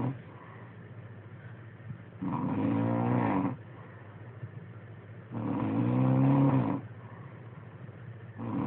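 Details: Snoring nightly, recorded on an Android phone: loud, low, rumbling snores on each inspiration, about 19 a minute, with quiet breathing between; ordinary snoring.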